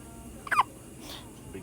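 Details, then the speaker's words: Single short, sharp, high, squeaky, mouse-like hiccup from a small infant weighing 4 pounds 5 ounces, over quiet room noise; infant hiccups. "has hiccups. Oh, and now they go away. Oh. So loud. Oh, you have squeaky hiccups. Oh my goodness, they're so squeaky."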